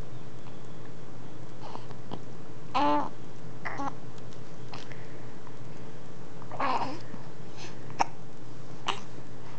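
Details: Infant hiccups during time on a Boppy pillow: short, abrupt voiced hics recurring every second or two over a steady background hum.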